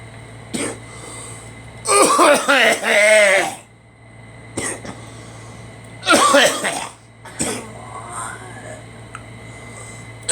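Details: Several short, sharp coughs mixed with longer voiced throat-clearing bursts from two people in a small quiet room; allergies mentioned as the cause.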